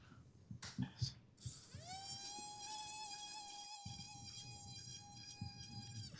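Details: Brief clicks, then a steady high-pitched whine from a high-speed surgical drill cutting bone at the lumbar interlaminar space of a lab specimen during a Coflex implant decompression demonstration.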